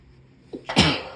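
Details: A short breath in then one sharp, hissing sneeze from a puppy with a cold.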